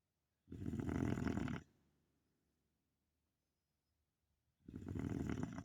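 Two long, loud, rough snoring breaths about four seconds apart, separated by quiet; ordinary snoring.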